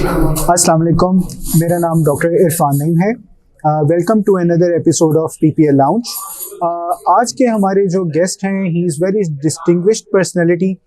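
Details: Adult male speaker; no speech disorder.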